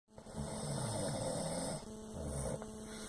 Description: roncá muito